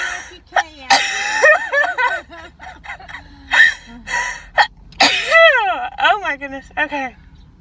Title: Sneezing girls Covid-19 nasal swab test sneezing 재채기 くしゃみ compilation of Covid testing from Tiktok